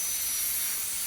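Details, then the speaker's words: High-speed dental handpiece cutting a tooth on a typhodont model during stainless steel crown preparation (proximal reduction, rounding margins): steady, loud high-pitched whine and hiss. "So here I am going to use the football shaped burr for doing the occlusal reduction."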